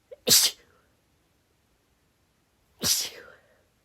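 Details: Female, rapid stifled, tickly sneezes: two hissing, partly stifled sneezes about 2.5 seconds apart, each with a faint breathy trail.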